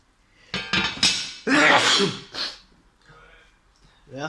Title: I sneeze while I'm cooking